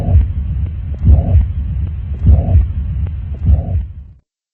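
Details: Mitral murmur heard at the mitral area, possibly through the stethoscope bell, during a cardiovascular examination teaching demonstration.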